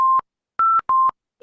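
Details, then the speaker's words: High-priority ventilator alarm, three rapid electronic beeps with slightly shifting pitch, from a patient on pressure control ventilation with low tidal volume displayed; alarm signals need for bedside troubleshooting of the patient. "when you get an high high priority alarm like this never switch off the alarms try to go near the patient catch all the clinical indicators troubleshoot find out what exactly is happening with the patient"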